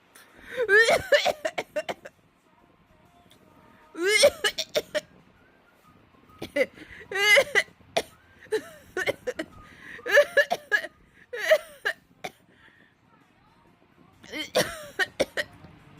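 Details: Short bursts of adult coughing from a woman, alternating with a worried pet cat's pitched meows over light background music; cough.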